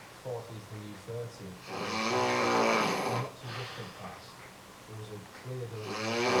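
Rough, vibrating snore sounds on breathing, with a louder drawn-out snore in the middle; snoring.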